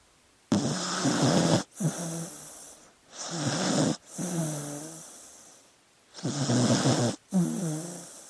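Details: Sleeping dog making loud snorty snores and wheezy breaths in quick, uneven bursts; normal sleep noises.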